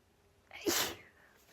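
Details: A woman's harsh, urgent sneeze, from a mix of open and half-covered sneezes: a quick inhaled build-up, then one sharp, hissing, explosive sneeze.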